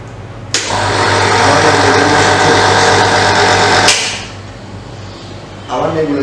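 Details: Nebulizer compressor switched on and checked for air pressure output: steady, loud mechanical buzz and hum for about three seconds, then it drops off; compressor running normally.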